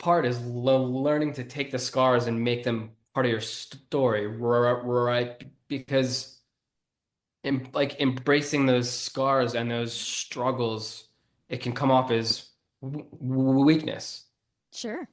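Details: Stuttering in an adult man who has stuttered since childhood and was bullied for it while growing up.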